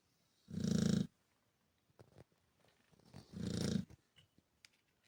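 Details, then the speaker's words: Two loud, low, fluttering snores on inhalation with quiet pauses and faint room sounds, from a sleeping Chow Chow dog; snoring. "Вы когда-нибудь слышали, как храпит чау-чау? Сейчас вы это услышите."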